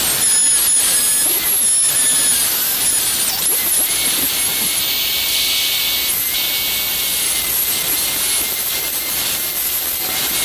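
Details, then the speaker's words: Steady, loud, piercing whine of a high-speed dental handpiece with a carbide bur cutting about 1.5 mm depth grooves on the lingual inclines of the buccal functional cusp of a mandibular molar on a dentiform, for a gold crown preparation. "At this stage, the orientation of the carbide is changed, and the same type of depth grooves are placed on the lingual facing inclines of the buccal functional cusp."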